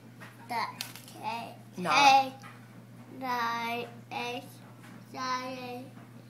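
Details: Speech of a profoundly deaf boy just turned three with bilateral Cochlear Nucleus Freedom implants (simultaneous surgery), hearing just over 2 years with the right implant and 22 months bilaterally, counting with his mother.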